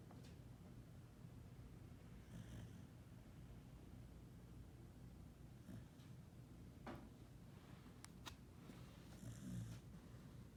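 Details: 10-year-old cattle dog in a deep nap: soft, low rumbling breaths with a couple of louder snorting breaths; snoring.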